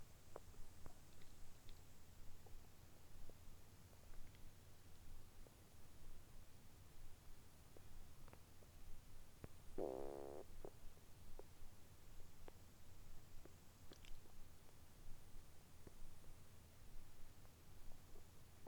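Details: Abdominal sounds recorded early morning after gulping a glass of milk on an empty stomach; faint low rumbling and scattered soft gurgles and clicks over steady low hum; ordinary bowel sounds (borborygmi).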